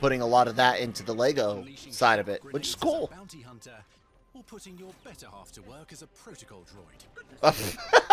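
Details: Adult male speaker; normal speech.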